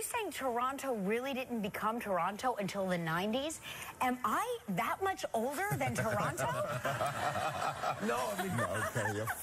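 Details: Adult woman in conversation; normal voice.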